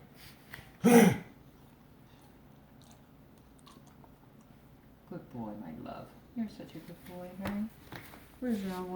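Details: A dog gives a single short, harsh cough, then quiet and a person speaking softly nearby; a cough.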